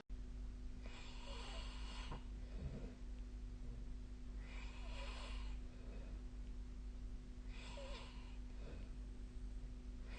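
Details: Repeated rattling snores every few seconds with rough breaths between, over a steady low hum of room noise, during sleep; nightly snoring recording of 2024/12/22, snoring-tracking app noted.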